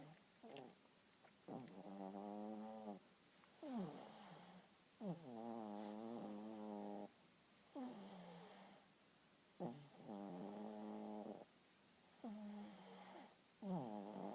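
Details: Snoring while sleeping, recorded 11-18-11: rhythmic tonal snores on each breath, about 15 a minute, with quiet gaps between.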